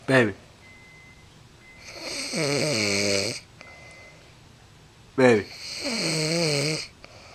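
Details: Woman snoring: two loud snores about five seconds apart, each a harsh rattling intake followed by a long vibrating, droning outflow.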